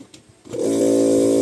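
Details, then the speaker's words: Nebulizer compressor switched on after being repaired by reseating a loose internal part: quiet clicks, then a steady motor hum as the changed sound shows it is now running and pumping air. "ka- man no Ayan nag-iba yung tunog niya So ibig sabihin kumakarga na yan"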